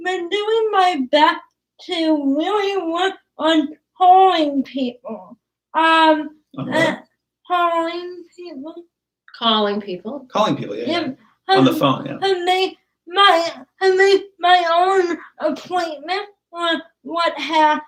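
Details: Dysarthria from cerebral palsy in a young woman who started talking late, has trouble with plosives, and has worked with a speech pathologist.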